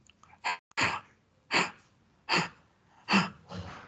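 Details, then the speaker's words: Mouth-made imitation of bronchial (tubular) breathing: repeated harsh, hollow blowing breaths, louder in expiration than inspiration, typical of consolidation syndromes such as pneumonia. "a observar que este sonido este sonido se va a presentar mucho más en la expiración que en la inspiración y es propio y típico de los síndromes de conación"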